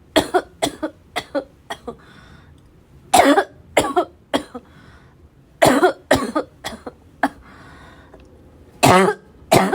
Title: really bad barking cough fit